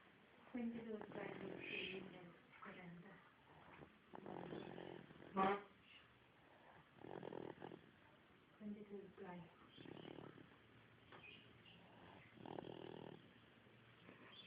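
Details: Soft, repeated, low rumbling breaths at a quiet level over several cycles; gentle snoring.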